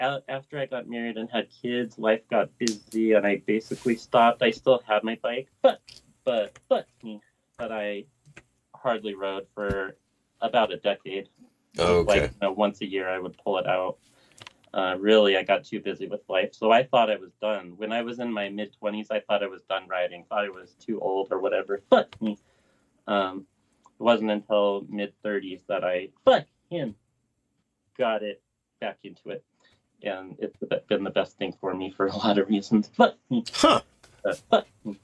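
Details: Adult male BMX rider with lifelong, worsening Tourette syndrome; swearing and vulgar tics began around age 35; vocal tics with coprolalia (Tourette syndrome).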